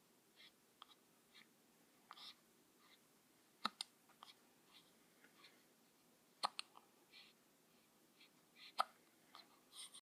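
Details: Hiccups: soft, brief, sharp catches recurring irregularly in a quiet room, with faint clicks and breaths in between.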